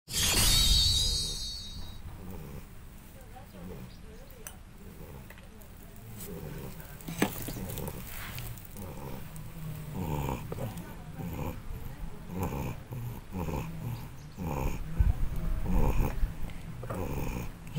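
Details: A sleeping cat, described as the boss cat, snores with soft, low rumbling noises on each breath over light background music.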